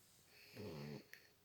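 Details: Pet sleeping in the sun, one of a pug and a British cat lying together: a single low, rattling snore on an in-breath, followed by a faint click; snoring.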